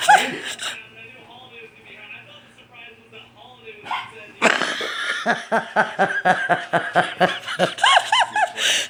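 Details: Adult man (husband) hiccuping after quiet talk: a run of sharp, squeaky gulping hiccups, said to sound like a little girl, tangled with laughter; hiccups.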